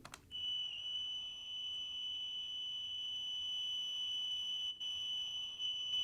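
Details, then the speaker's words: Simulation of a patient's constant tinnitus, heard 24 hours a day: a steady, piercing high-pitched tone with fainter higher whines. "this is a simulation of what tinnitus sounds like from one of my patients here at the Oregon Health and Sciences University so I just want you to hear it and listen to it"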